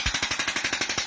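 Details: Extracorporeal shockwave therapy on the sole of the foot for plantar fasciitis, over the painful area where ultrasound confirmed a thickened plantar fascia; rapid, even, sharp clicking pulses about twelve per second.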